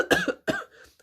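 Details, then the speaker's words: Two short, sharp coughs from an adult woman who is very ill with a nasal-sounding voice; a plain cough during illness. "also really ill so apologies um for any kind of coughing or like nasally kind of sounding that you can probably hear"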